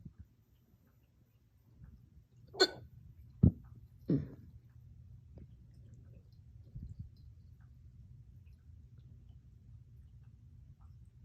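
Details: Hiccups combined with belching (painful hiccup-burps) after a dog walk and drinking water too fast, felt as chest pain and short-lived: three abrupt, short gulping throat catches with a burp-like quality.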